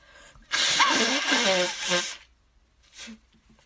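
One loud, drawn-out sneeze with voiced release, followed by a short nose blow or sniff.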